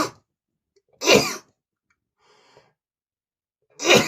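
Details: Three sharp, explosive sneezes with silence between, from a male attributing them to dust in his nose.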